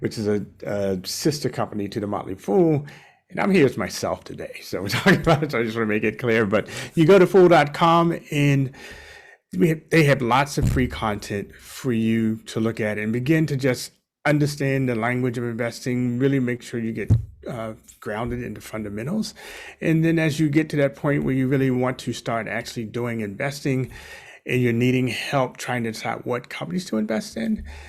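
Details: Adult male speaker; normal speech.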